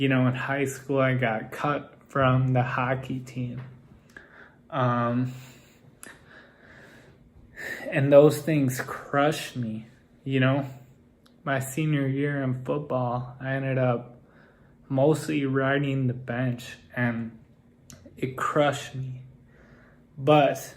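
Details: Adult man with Friedreich's ataxia whose speech has become progressively more impaired, so listeners assume he is drunk or on drugs and it now limits how fast he can rap; ataxic dysarthria.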